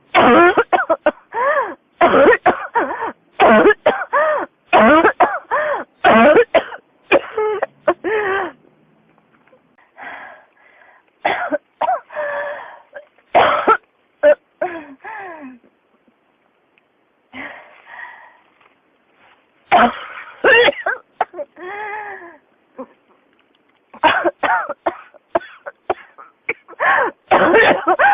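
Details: Persistent cough: repeated bursts of harsh coughing and throat clearing in runs with brief pauses.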